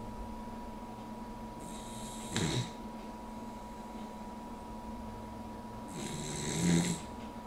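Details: Puggle dog snoring while asleep with her head propped up on an armchair, the only position in which she snores; snorting, rattling snores about every four seconds over steady room hum.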